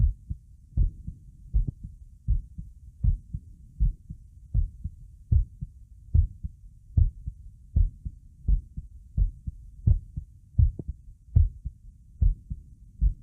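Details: Steady, regular low thumping heartbeat at about 78 beats a minute, each beat a soft double thud, recorded with a visible neck pulse.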